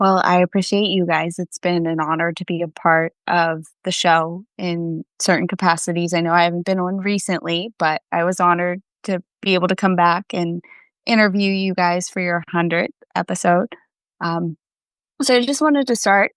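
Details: Adult speaker; normal speech.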